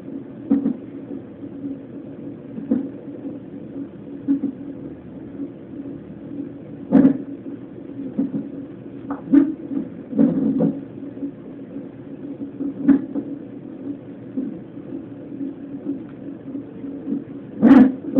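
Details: Fetal hiccups at a 32-week non-stress test: rhythmic thumps about every few seconds over a steady fetal heart monitor hum.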